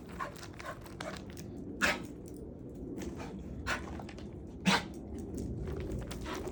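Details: Female pet dog, recorded for a vet visit, starts coughing after pooping and peeing, lasting 5–10 seconds; it happens when pausing on walks. Repeated harsh throaty bursts with hacking, throat-clearing and retching in a small room; coughing and gagging.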